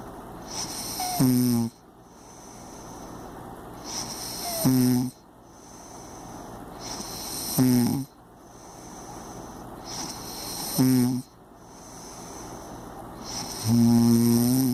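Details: Impressive heavy snoring: loud, rattling snores about every three seconds, roughly 19 a minute, each breath ending in a buzzing, whistling snort, over a steady background hiss.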